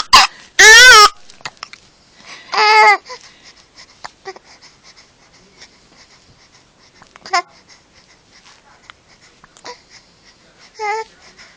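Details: Infant upset by hiccups: fussy cries and whimpers with a few brief, sharp catching hiccup sounds between them.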